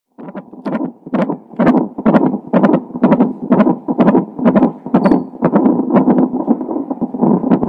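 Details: Fetal heart tones recorded a few hours before birth of a baby with Down syndrome: rapid whooshing Doppler pulses at about 125 a minute.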